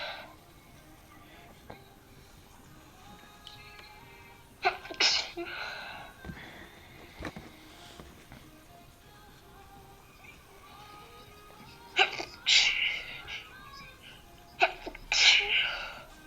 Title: Sneezes fit